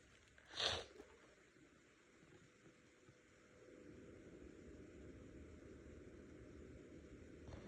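A single brief, sharp burst of air, likely a suppressed adult sneeze, followed by quiet rustling and low background noise.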